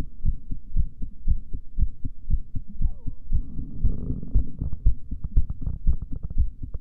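Steady, regular heartbeat with paired thumps at about 118 beats a minute, somewhat fast, after a breath hold.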